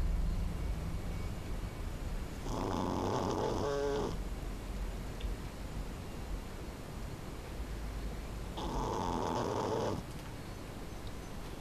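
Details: Small Sleeve Pekingese dog snoring loudly: two rattling, fluttering breaths about six seconds apart over steady low background hum; snoring.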